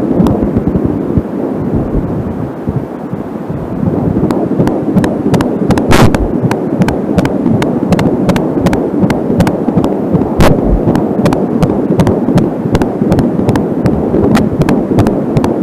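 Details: Fetal heartbeat recorded at home with an Angelsound fetal Doppler: rapid whooshing pulses of about 160/min, mostly the baby's. Slower beats are the mother's own arterial pulse, which she checked to tell them apart. Static comes from a short audio cable.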